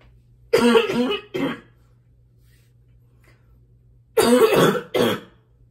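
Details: An adult who has been more congested lately, possibly from allergies, gives two short bouts of harsh, rough coughs, about five in all, with a quiet pause between; congested barking cough.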